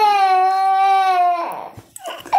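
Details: Young child crying from an injection: a sustained high-pitched wail breaking into sobbing; child crying in pain.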